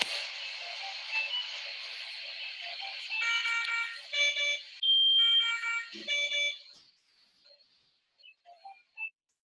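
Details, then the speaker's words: Repeated high-pitched ventilator alarms over steady room hiss during a ventilatory crisis in a patient on invasive mechanical ventilation; the patient breathes poorly with marked thoracoabdominal dissociation and altered ventilator waveforms. "se escuchan constantemente las alarmas de los ventiladores"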